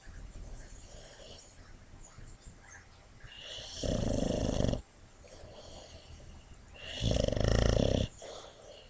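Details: Tasha, a boxer rescue dog, asleep and dreaming on a lap; heartworm treated, injured infected knee on antibiotics: two loud, rattling snores about three seconds apart over soft breathing and room noise.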